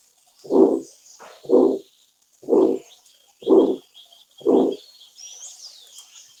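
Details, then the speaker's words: Another example of the harsh aortic stenosis murmur: a regular medium-pitched rising-and-falling systolic murmur with each beat at about 60 a minute; aortic stenosis systolic murmur. "este sería otro ejemplo del soplo áspero de estenosis aórtica"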